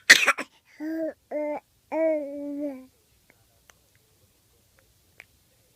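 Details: Young child's sneeze: one sharp, hissing sneeze burst, followed by short voiced babbling sounds.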